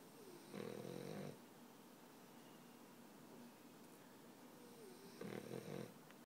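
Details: 13-month-old French Bulldog sleeping and snoring: two rough, rattling snores about five seconds apart with quiet breathing between them.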